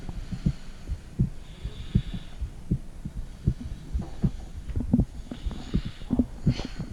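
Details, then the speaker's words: Heartbeat recorded with a phone, microphone on the stomach: regular low thumping at about 80 per minute with soft gurgling noises; normal heartbeat. "I'm going to be using my phone to take my heartbeat."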